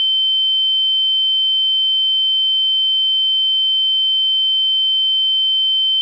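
A steady, high-pitched pure tone rings without change, a simulation of tinnitus, or ringing in the ear.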